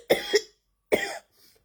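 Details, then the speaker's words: Early-morning cough before 6 a.m. that returned after barely any coughing the day before; woke up coughing: three short, dry coughs, a quick pair then one more, in a quiet room. "okay it's not even 6 o00 yet but as you can hear the coughs have come back I woke up this morning coughing up"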